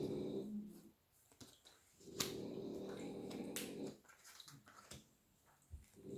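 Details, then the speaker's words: Background snoring from three sleeping French bulldogs at home, heard behind a speaker's voice. "Je suis désolée si vous entendez ronfler derrière. J'ai 3 bulldogs français à la maison. Et ça roupille dur là pour le coup."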